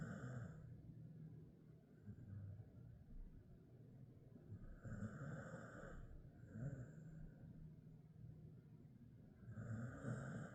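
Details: Ten-year-old male Jindo mix dog, Ddaya, asleep and snoring: soft, low snoring with gentle snorts at intervals over a steady background hum.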